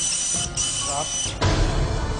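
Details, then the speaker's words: Surgical skull drill with a high whine and grinding over background music, cutting a keyhole opening through a right eyebrow incision for minimally invasive removal of a right-sided arachnoid cyst pressing on the temporal lobe. "The dissection is taken all the way down to the skull. Stop. We are drilling a keyhole opening."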